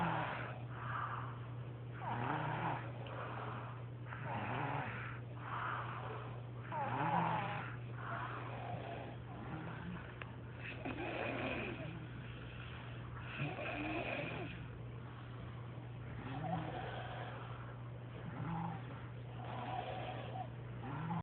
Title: Somebody snoring lol